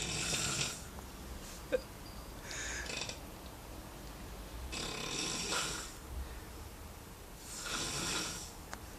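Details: Man snoring while asleep in a hostel: loud, rough, rattling snores with quiet pauses between breaths, about three in nine seconds; heavy snoring.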